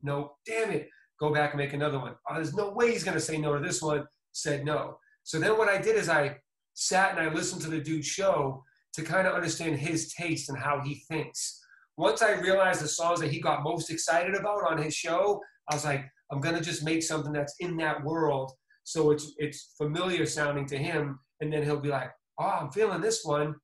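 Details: Adult male speaker; typical speech.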